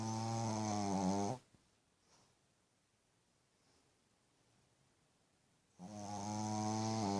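Two loud, droning, steady snores with a quiet pause between them: snoring in a sleeping puppy.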